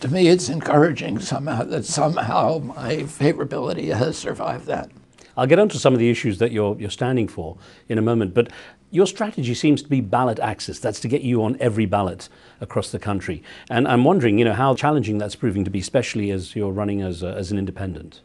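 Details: Adult male interviewer; normal speech.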